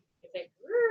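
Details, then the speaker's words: Vocal imitation of a needle EMG myotonic discharge, the 'dive bomber' sound: a swelling, gliding crescendo-decrescendo tone heard from beginning to end, unlike a complex repetitive discharge: myotonic discharge. "The diving bob. They So call it. it's like a crescendo, decrescendo, and you'll hear it from beginning to end"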